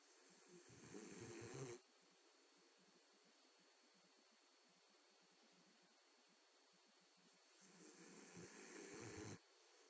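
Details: Jack, a sleeping boxer dog, owner suspects sleep apnea: two slow, rough, rattling snores, each under two seconds, with a long quiet pause between; snoring.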